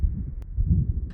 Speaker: note a localized ejection systolic murmur in the aortic area with no radiation or thrill may be due to aortic sclerosis leaflet thickening without significant hemodynamic